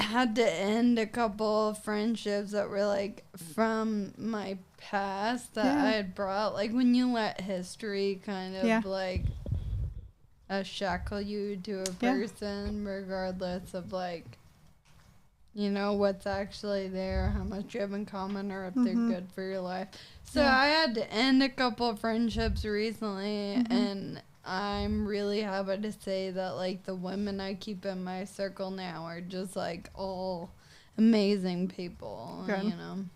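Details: 26-year-old woman with Friedreich's ataxia, a progressive genetic nervous-system disease diagnosed at age 18, also affecting her walking and hands, now a wheelchair user; ataxic dysarthria.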